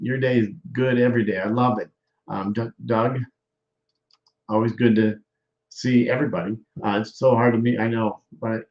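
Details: Aphasia after stroke in a male stroke survivor, with word-finding difficulty; aphasia.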